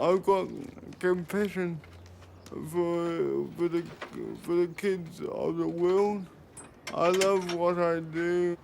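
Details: 32-year-old man with congenital cerebral palsy who needs 24-hour care; his speech is reported to slur when he tires; dysarthria due to cerebral palsy.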